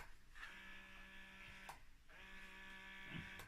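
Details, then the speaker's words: A USB-rechargeable portable breast pump on its highest setting gives a steady electric whir with rhythmic cycling but, per the user, draws little milk. "it's just not doing it and it still makes that lovely yeah draw draw"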